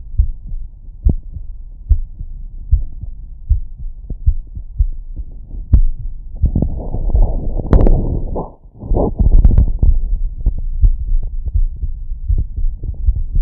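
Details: Chest heard through a Bluetooth noise-cancelling amplified digital stethoscope; regular, steady heartbeat about 70–75 beats a minute, briefly masked by music.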